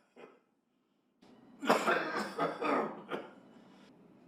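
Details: An adult with a cough lasting over three weeks, now with a metallic wheezy edge, coughs a short run of harsh coughs into a smartphone self-diagnosis app, which flagged it red as needing hospital care; persistent wheezy cough.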